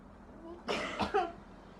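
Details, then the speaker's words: Role-played effective cough technique for a pulmonary TB patient, demonstrated by a nursing student: after deep breathing come two voluntary coughs in quick succession, the second harder to expel sputum. "Nah untuk yang kedua lebih tak kencang ya Bu"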